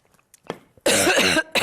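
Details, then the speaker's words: A female news presenter's harsh, voiced throat-clearing cough during a live broadcast, followed by the start of another in a quiet room; her voice had suddenly failed minutes earlier. "Katrina Ron excuse me it's now more than 10 10 gosh my voice it's no more than excuse me I'm going to take a drink of"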